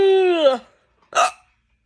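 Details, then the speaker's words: A sharp voiced hiccup with a falling vocal tail, then after a pause a second brief hiccup-like gulp; hiccups. "how had like a phantom hiccup there for a sec anyway hi cups do you like hiccups"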